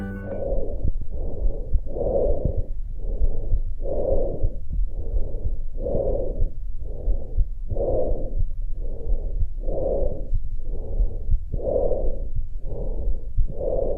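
Loud, hollow, harsh breath sounds in evenly spaced bursts: normal tracheal breath sounds heard near the trachea.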